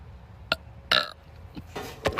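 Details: Several short, abrupt belches over a quiet background during a live stream; burping.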